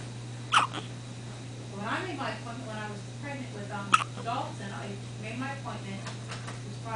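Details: Hiccups after feeding, lasting about 10 minutes.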